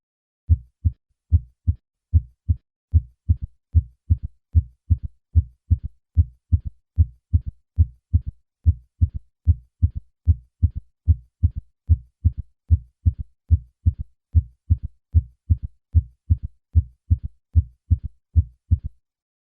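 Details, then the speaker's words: Third heart sound (S3), low-pitched early-diastolic sound heard with stethoscope bell at the cardiac apex, patient in left lateral position: steady heart sounds with a faint extra early thud after S2, Kentucky rhythm. "the third heart sound is normally faint and is heard best at the cardiac Apex with the patient in the left lateral position"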